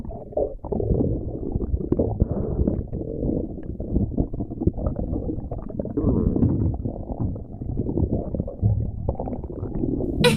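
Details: Stomach growling: low, continuous rumbling and gurgling with no voices, from gas and fluid moving through the gut.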